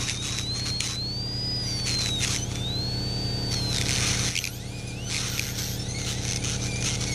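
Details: NSK-style PANA MAX high-speed air-turbine dental handpiece with carbide FG burs used in a home workshop, drilling out small metal parts under very light pressure; high-pitched whine rising and falling over a steady low hum.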